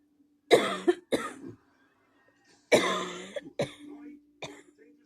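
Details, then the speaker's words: Several harsh, forceful coughs in two bursts, about five in all, with a faint steady hum behind, followed by "I'm gonna cough again"; a really bad coughing fit. "Oh, wow. Excuse me. I'm gonna cough again."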